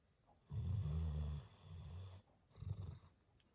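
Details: Chocolate Labrador dog snoring loudly: low rumbling snores, two long rattling breaths close together.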